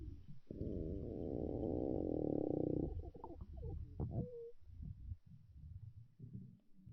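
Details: A girl's stomach growling: a low, drawn-out rumbling gurgle lasting a few seconds, then scattered bubbling squeaks; ordinary borborygmi.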